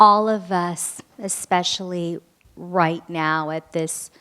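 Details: Stuttering in a female adult audience member asking a question during a talk Q&A.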